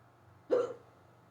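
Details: Unusually bad, fast hiccups that began suddenly on waking and lasted almost 20 minutes: one abrupt, voiced gulping hiccup against a quiet background.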